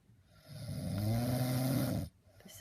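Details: Adult man (father) snoring while asleep; snoring.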